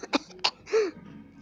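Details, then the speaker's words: Cough during a gaming reaction recording: two short, sharp bursts and then a brief voiced sound, a small cough in a quiet room. "Batuk. Awas ya guys ya. Batuk saya mengandung virus-virus humanitis yang bisa menyebar lewat suara."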